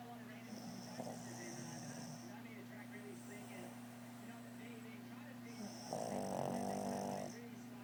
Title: Pug snoring